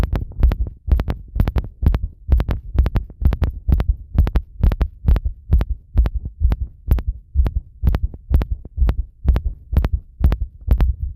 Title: 心臓の音 入浴後に圧迫